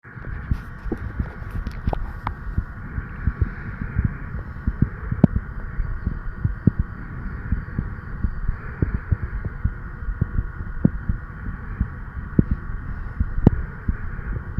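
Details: 36-year-old male's own heartbeat recorded at the tricuspid valve area with an old stethoscope head, tubing and lavalier microphone: soft low thumps, normal heart sounds.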